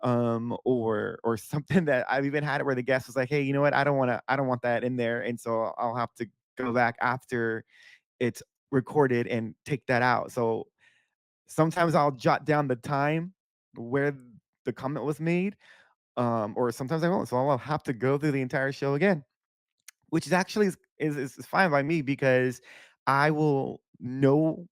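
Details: Male speaker who reports stuttering a lot because his thoughts outpace his speech, in unedited speech; stuttering.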